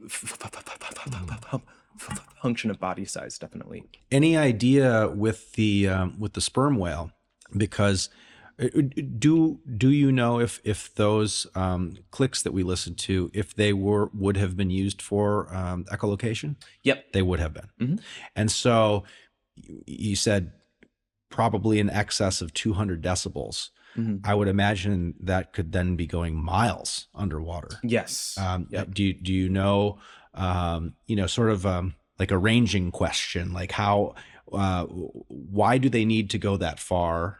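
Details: Adult male speaker in conversation, with brief replies from a second person; normal conversational speech.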